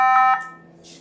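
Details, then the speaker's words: Nihon Kohden biphasic defibrillator with pacing, AED and manual modes during its routine self-test defibrillation check after the charge button is pressed: a steady high electronic charge tone with two brief pulses, fading away. "तो okay, अब defibrillation check करना है। Charge button press करने के लिए कह रहा है, चार्ज बटन प्रेस किया, दोनों को एक साथ।"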